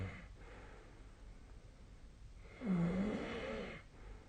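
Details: Sleep snoring, apparently recorded with the SnoreLab snoring app: one loud, low, rattling snore on an in-breath after quieter breathing; ordinary snoring during sleep.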